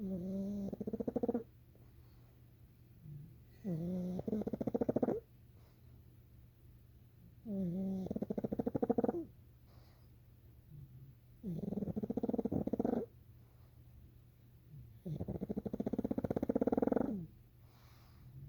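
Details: Rhythmic, rattling, fluttering breath noises about every 4 seconds, roughly 15 a minute, in a quiet room, from a sleeping pug; steady snoring.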